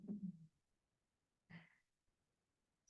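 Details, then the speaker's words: Brief low gurgling rumble then a softer rustle or breath in a quiet room during a gentle restorative yoga class, hips on a block; adult's ordinary stomach growling (borborygmi). "Can you hear my stomach growling?"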